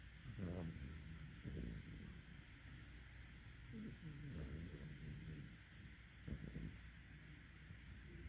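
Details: Teddy, a sleeping puppy, snoring: soft, low snuffling snores in uneven bursts, with quiet room noise between breaths.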